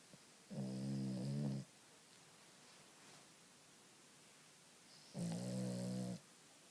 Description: Oreo snoring